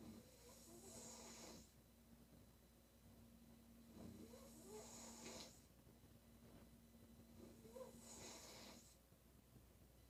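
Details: Female snoring: three harsh, rattling snores about every four seconds, roughly 15 breaths a minute, over a steady room hum.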